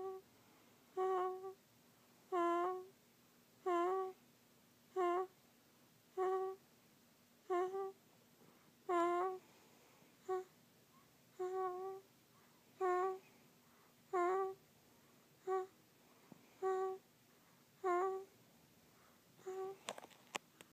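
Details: Sleeping child snoring: soft, regular, humming snores about 45 times a minute; a harmless snore.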